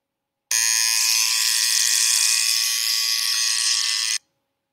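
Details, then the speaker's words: Recorded X-ray machine exposure sound played back in a children's science lesson: a steady high-pitched buzz lasting about 3.5 seconds; X-ray exposure tone. "one almost sounds like a high-pitched lawnmower and that one sounds like the end of a basketball game so those are just a few different sounds that you may hear if you ever have an x-ray"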